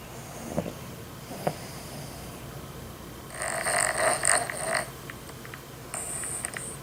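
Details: High-pitched, whistling snoring on long breaths after quiet breathing with a couple of soft clicks, from a sleeping person; snoring.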